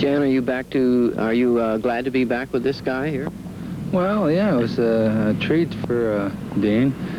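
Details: Adult men in conversation; normal speech.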